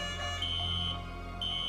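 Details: Simulated hospital drama scene: after a presumed catatonic patient is taken off the ventilator, oxygen saturation falls to 85 and a steady high-pitched monitor tone repeats faster over a low hum: patient monitor alarm.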